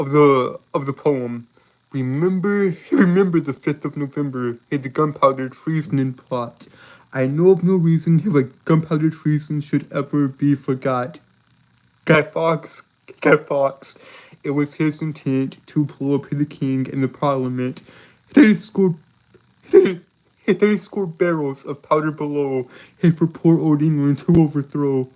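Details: Lifelong stuttering present since birth in an adult male, self-described as holding words rather than repeating them; real, not acted; stuttering with blocks and repetitions.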